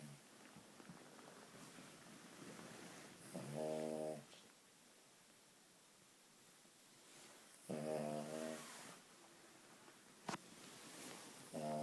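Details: Female King Charles Spaniel dog snoring while asleep: loud, rattling snores about every four seconds with quiet room noise between them. Snoring.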